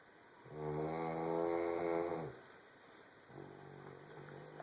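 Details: A long, loud, groaning snore followed by a softer one over a steady room hum; snoring.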